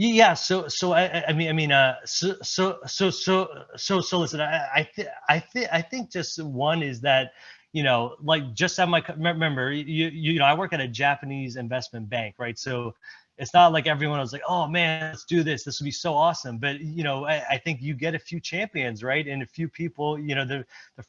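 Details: Stuttering in an adult presenter who stutters, speaking at a stuttering-community event during an improv presentation; word and phrase repetitions heard.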